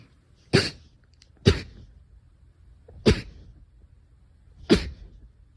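Four short, sharp bursts of air about one to one and a half seconds apart. Repeated sneezes or coughs.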